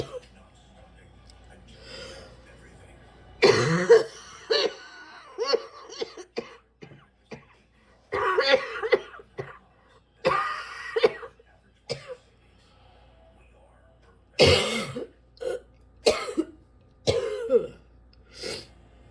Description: these fits though…literally just sitting here coughing and coughing and coughing some more.